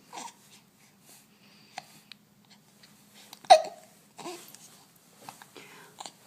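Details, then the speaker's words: Infant boy hiccuping repeatedly in a quiet room amid soft fussing and babbling while his mother talks to him; several short, abrupt catching sounds; hiccups. "hiccups again hiccups again hey tops again"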